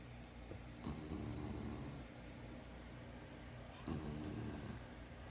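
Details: Sleeping spayed female former street dog, under 2 years per vet, treated for worms and heartworms, eyes open while asleep: two rough, rumbling breaths a few seconds apart against a steady background hum; snoring.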